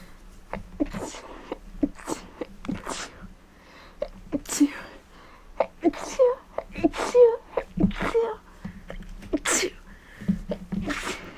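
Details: Person with a cold: several sharp sneeze bursts with short breaths and sniffles between, in a small quiet room; sneezing, which the person insists is not fake.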